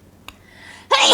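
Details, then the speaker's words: Single sneeze demonstrated as an example of a body sound: a soft intake of breath builds, then a sudden loud, hissing burst of air through the nose and mouth. "wheezing this is a sudden and involuntary expulsion of air through the nose and mouth and we all get it when we have a cold or if we're allergic to something"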